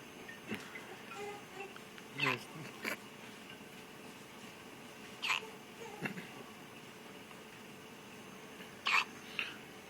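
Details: A newborn born at 4 lbs 12.4 oz gives small, abrupt hiccups about every three seconds over a quiet room background.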